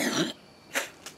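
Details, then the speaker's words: Wet cough from a man about four days into an aggressive cold that spread from sinuses to lungs with fluid, asthma-like tightness and brown-green phlegm: a harsh loose burst, then two shorter coughs. "pretty much got a really aggressive cold that attacked my sinuses went into my lungs was filling up fluid in my lungs was really bad"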